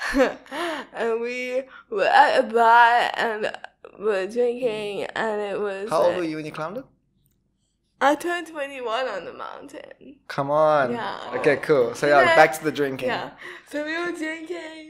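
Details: Young woman with cerebral palsy diagnosed at 11 months, speech not very clear; dysarthria (cerebral palsy).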